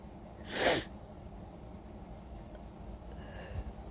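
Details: Nighttime allergy sneezing on third night, allergy pills not yet working, suspected allergen at equine-therapy ranch: one loud, explosive sneeze, then quiet breathing over low room noise; sneeze.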